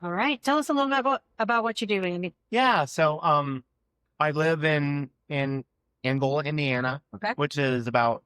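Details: Two adult men in conversation; fluent speech.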